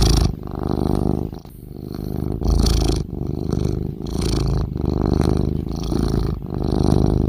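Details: Cat snoring while asleep: low, rough, fluttering breathing noise repeating in steady cycles on breathing in and out.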